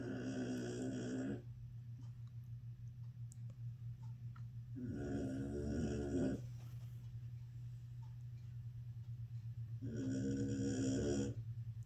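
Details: Shar Pei resting after surgery, snoring: rattling, buzzing snores about every five seconds (around 12 a minute) over a constant low hum; ordinary snoring.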